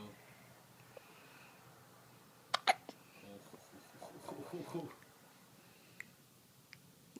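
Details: A baby's first hiccups: quick, small hiccup bursts with soft adult voices in a quiet room; hiccups.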